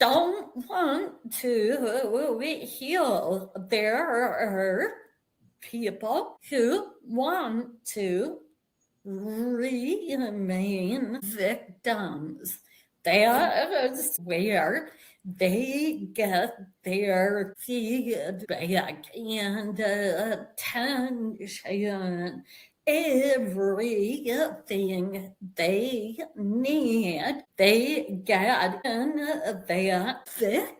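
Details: Vocal tremor in a woman; the description attributes it to over five decades of emotional abuse beginning at age five, which eventually manifested as a physical vocal tremor.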